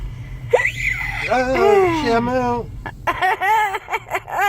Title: Ridiculous Hiccups